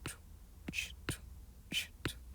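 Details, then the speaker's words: Vocal imitation of a systolic murmur: a continuous whooshing hiss filling the gap between S1 and S2, since S1 marks the start of systole. "like a continuous sound and this would be a systolic sound because s1 is the start of systole as we mentioned previously"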